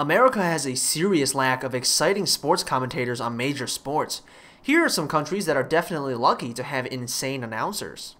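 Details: Adult narrator; Normal voice.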